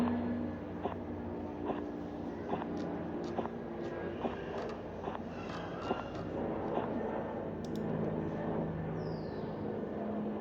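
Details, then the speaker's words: Regular soft tapping Korotkoff sounds at about 70 a minute during cuff deflation. Systolic pressure is 182 mmHg. Sounds disappear at 170 and then return until 116 mmHg, where they stop: an auscultatory gap. "el nivel de presión sistólica en este caso estuve en 182 notaron que en 170 desaparecieron los ruidos pero volvieron a aparecer luego hasta 116 donde desapareció la presión arterial"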